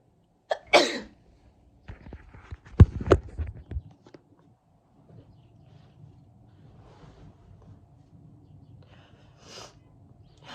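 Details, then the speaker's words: A sick person during three hours of sneezing: a sharp sneeze burst near the start, then a cluster of explosive sneezes, quiet breathing and room noise, and a final hissing exhale; repeated sneezing. "I think that's it. I've been sneezing for the past 3 hours. It's finally gone."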